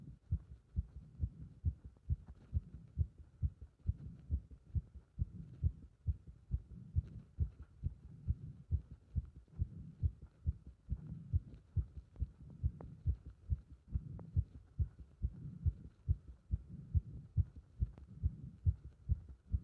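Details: Heart sounds recorded with chest compression during squats: rapid, regular heartbeat around 135 a minute with a faint hum; fast heart rate during exercise.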